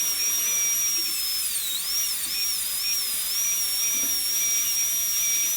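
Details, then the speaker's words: Steady high-pitched whine of a high-speed dental drill run dry on a model tooth #18, pitch dipping as the bur loads while cutting the functional cusp bevel for a gold onlay; no water, as it is not clinical; dental drill. "it's a nice burr to use at this stage because it cuts very cool normally we'd be using lots of water if this was a clinical situation"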